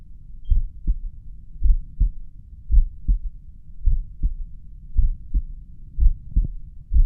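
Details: Slow, regular lub-dub heart sounds at about 55 per minute, at rest, recorded at roughly the mitral area (uncertain) with a pulse oximeter counting; bradycardia.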